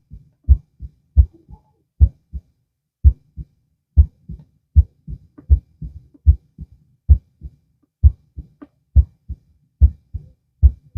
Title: heart auscultation (laying down)